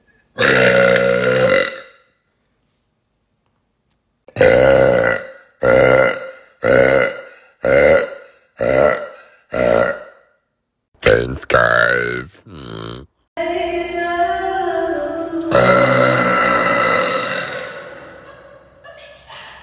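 A long belch, then a quick run of about seven short burps, followed by several longer belches; repeated burping.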